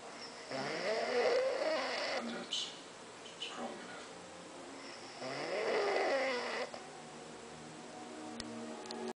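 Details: Adult with two long, rattling snores on the in-breath, about 13 breaths a minute, with quiet exhalations between, while film dialogue plays; ordinary snoring.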